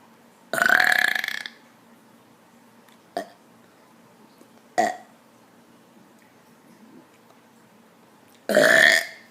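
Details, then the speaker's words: Four burps in a quiet room, made on purpose: two long, loud belches with two short ones between them. "hey what's up more burps now we'll be I'll be doing more burps cuz basically the only thing I don't get hate on is burps"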